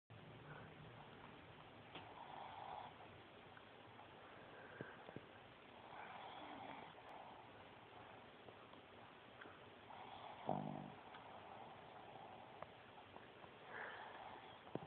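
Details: Boston Terrier snoring loudly: soft, rough snoring breaths recur every few seconds over low room noise, with a louder snort near the end.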